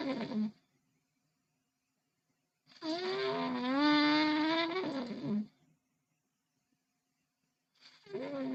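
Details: Loud, drawn-out snores with a strong droning, almost trumpet-like pitch, separated by quiet pauses, with background music.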